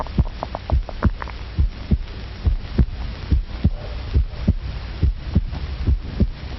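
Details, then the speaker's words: Human heartbeat amplified about a million times by electrical pickup and amplification, from a 1937 film: deep, booming, steady drum-like beats at about 70 a minute over a low hum. "this sound like the rhythmical beat of a jungle drum? Actually, it is the sound of a human heart which science can amplify a million times, just as sound can be amplified by measuring instruments in factories to make sure that gears are smooth."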